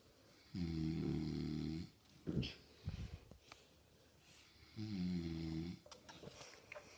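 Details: Friend's dad, an adult man, snoring unusually in sleep: two loud, buzzing snores about four seconds apart, with soft clicks and snorts between them; snoring.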